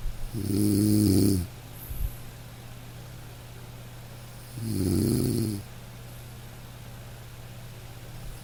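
Two soft, low snoring breaths over steady rain-like background noise: gentle, harmless snoring of a sleeping dog.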